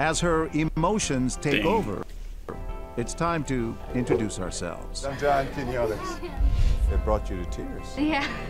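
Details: Adult male speaker; normal speech.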